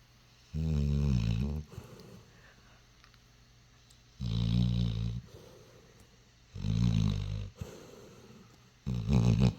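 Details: Deep, rattling snores from a sleeping dog, one with each breath in, roughly every two and a half seconds; snoring.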